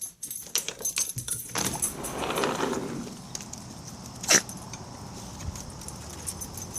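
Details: Small dog's reverse sneeze: a noisy, snorting inward-breathing spell followed by a sharp snort.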